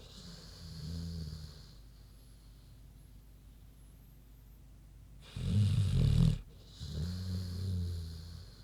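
Deep, rumbling snores from a sleeping pig, one louder snorting burst among softer ones; normal sleep snoring.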